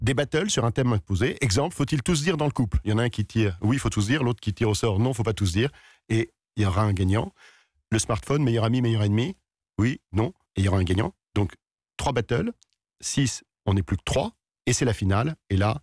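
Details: Adult male speaker, French; ordinary speech.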